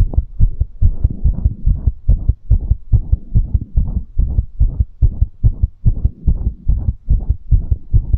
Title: Fast Heartbeat After Exercise | Fast Heartbeat ASMR | 2022-02-22